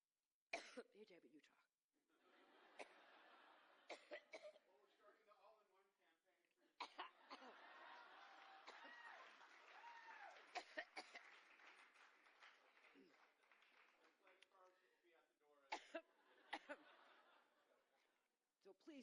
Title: has coughing fit during speech in Iowa